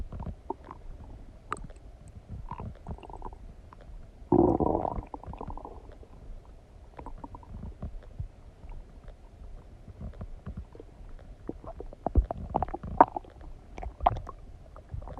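Steady gurgling and rumbling from the belly, with one louder, longer growl; normal digestive bowel sounds after eating.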